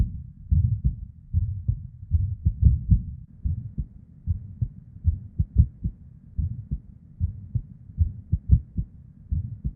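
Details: Recording from a female with an irregular heartbeat: low heart sounds in an uneven rhythm, early PVCs/ectopic beats breaking the pattern, and a soft whooshing murmur (blood flow) between beats.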